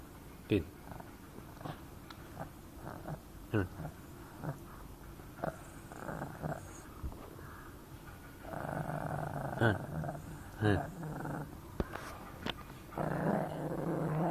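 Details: A small Shih Tzu dog coughing: several short, sharp coughs between stretches of snuffly, rattling breathing.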